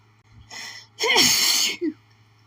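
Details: Sneezing fit in a woman with sore nose, attributed to allergies after planting a flower garden: short catching breath in, one loud harsh sneeze, then a brief squeaky sound.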